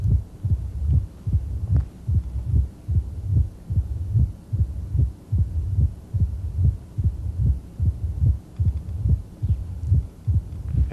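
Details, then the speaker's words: Simulated moderate mitral valve stenosis from a heart simulator: regular, low heart sounds at about 73 beats a minute with a low rumbling quality between beats. "now let's listen to moderate mitral valve stenosis and"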